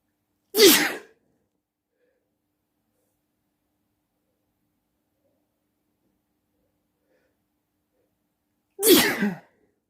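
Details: Two loud, explosive sneezes several seconds apart in a quiet room at night; ordinary sneezing.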